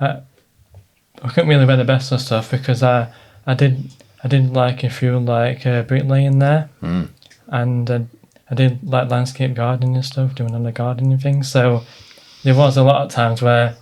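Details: 29-year-old man who has stammered since early childhood; stuttering.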